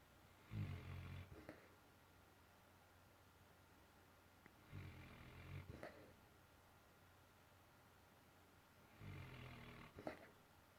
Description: Mac the dog snoring and bubbling